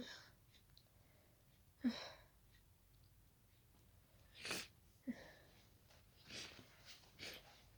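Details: Person with a daisy allergy, after closely smelling daisies, gives a few short, wet sneezes and snuffles scattered over several seconds in a quiet room; allergic sneezing.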